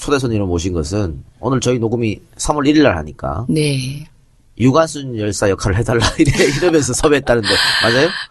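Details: Adult male talk-show host; normal speech.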